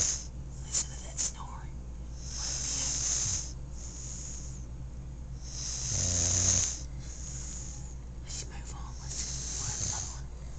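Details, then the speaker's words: Person snoring at night, recorded by candlelight: repeated hoarse, rasping snores with noisy, hissy breaths between them over room noise; heavy snoring. "here we've stumbled upon a den of The elusive snoring Beast of St Augustine it's very hard to see because the only time they come out is at night when it's really dark"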